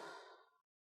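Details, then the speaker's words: Bag-valve-mask ventilation of an apneic adult training manikin with a weak pulse of 60, on 15 L/min oxygen, bagged 10 times a minute (one every six seconds): a single soft rushing breath of air that fades out. "i'm going to go ahead and continue the bag i'm going to bag again 10 times a minute one every six seconds i'm going to look for equal rise and fall"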